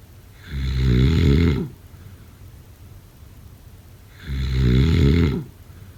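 Two loud, deep, rattling snores on breathing in, about 3.7 seconds apart, with quiet breathing between; heavy snoring.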